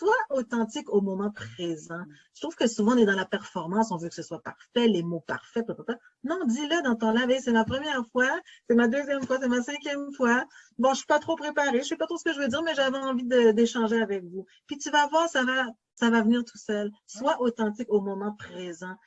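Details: Adult woman speaking French; Normal fluent speech.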